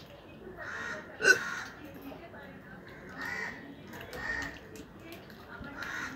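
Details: Real hiccups recorded without drinking water: several brief, abrupt catching sounds, each a short sharp gulp, repeating about every second.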